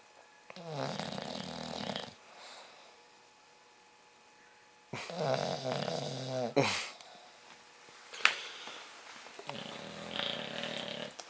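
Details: English Bulldog, 8 months old, snoring: loud, rattling, wheezy snores in long noisy breaths with snorting at the ends.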